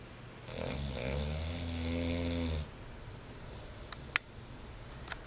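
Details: Bulldog asleep and dreaming on a couch: one long, low, buzzing snore on a breath, then quiet with a few faint clicks; snoring.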